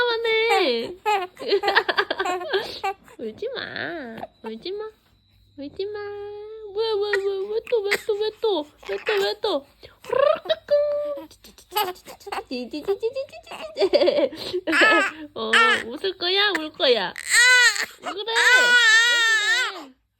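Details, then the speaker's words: A 90-day-old infant, startled by the mother's sneeze, cries in short bursts mixed with whimpers while the parent soothingly apologizes: infant crying. "미안해 미안해 미안해 미안해 미안해 제책 기에서 놀랬어 미안해"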